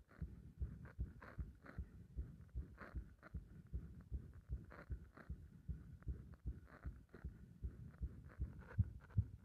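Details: Fast, low heart thumps, mostly regular but with some uneven gaps, from a heart described as compressed and stumbling; an irregular heartbeat with occasional skipped beats.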